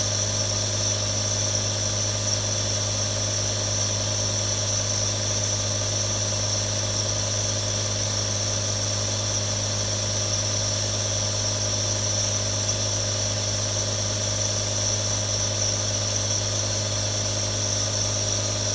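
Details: Real recording of three different nebulizers running continuously: a steady mechanical hum with a constant hiss and no pauses.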